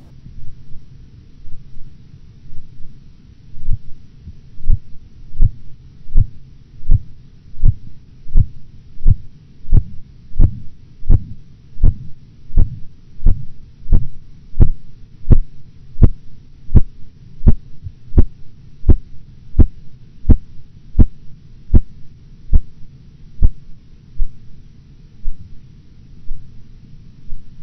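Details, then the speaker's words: Korotkoff sounds during blood pressure measurement: silence, then regular tapping at about 85 per minute that starts at 116 mmHg and disappears at 90 mmHg, a reading of 116/90. "You will hear nothing until the first carotid cough sound appears at 116 millimeters of mercury. The various phases of carotid cough sounds will be heard until their disappearance at 90 millimeters of mercury."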